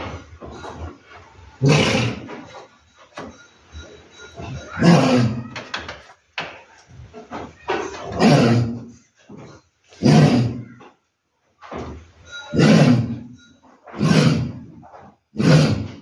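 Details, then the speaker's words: Pregnant ewe with a cough, possibly choking, not eating much and listless; massage and herbal treatment did not help: repeated harsh, choking-sounding coughs, about seven bursts in sixteen seconds. "ya kebetulan domba saya mengalami batuk seperti di ini videonya"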